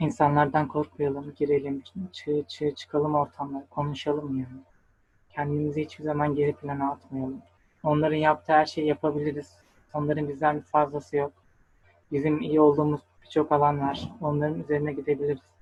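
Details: 23-year-old male medical student with stuttering since early childhood, who has attended several stuttering therapy courses; stuttering.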